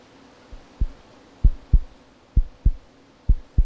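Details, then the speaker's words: Korotkoff sounds heard by stethoscope as a blood pressure cuff deflates: regular low pounding taps, about 65 a minute; the first tap marks systolic pressure, the last marks diastolic. "im Stethoskop gut hörbar ein Pochen der erste Ton markiert den systolischen oder oberen Blutdruckwert"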